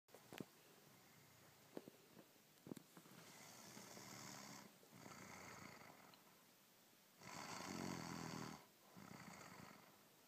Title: snoring